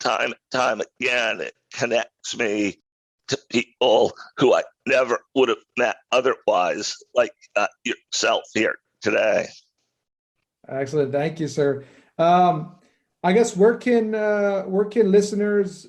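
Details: Adult man with a rare neurological voice disorder acquired in 2012 that made speaking difficult, still audible in his speech today; neurological voice disorder.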